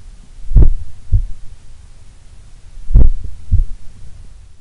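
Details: Relaxed adult resting in a sun room, possibly the lowest resting heart rate recorded: two deep, low paired-thump heartbeats about 2.4 seconds apart, a slow regular rhythm near 25 beats a minute.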